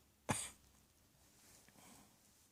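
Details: One short, sharp cough followed by quiet room sound; cough.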